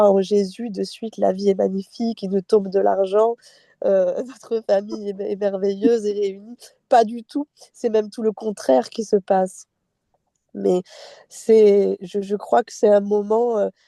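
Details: Adult woman speaking French; ordinary speech.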